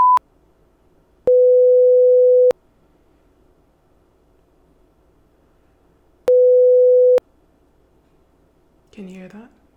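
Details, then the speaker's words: Simulated nurse physical-exam ASMR roleplay hearing test: steady pure beep tones each held about a second in a quiet room, with the listener to report left or right side; audiometer test tones. "all right so I'm gonna start my machine over here okay and you let me know if you hear the noise on the left side or on the right side okay"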